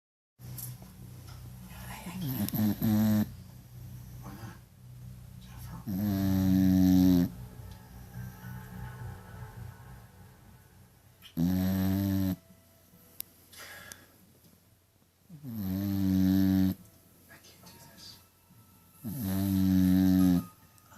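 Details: A dog snores loudly and evenly, about 15 times a minute, each snore a rough throaty rumble: snoring.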